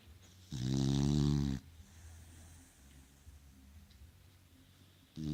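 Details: A single loud buzzing snore then quiet breathing from a sleeping beagle; ordinary snoring.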